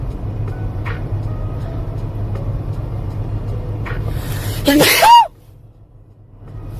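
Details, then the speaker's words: Single sharp sneeze with a brief voiced tail over steady car road noise, from a person during a live-streamed drive who announced "gotta sneeze" just before. "I'd try it. Gotta sneeze."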